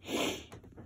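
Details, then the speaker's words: Dog coughing again right after being brought back indoors, though he coughed less outside: a single short, harsh, snort-like cough burst; cough. "I just now brought him inside as soon as I got him right you know right there he started that coughing again"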